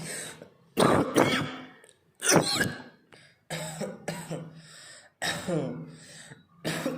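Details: Adult coughing deliberately for about a minute, about seven forceful coughs in seven seconds, several with a voiced, throaty tail; voluntary repeated cough.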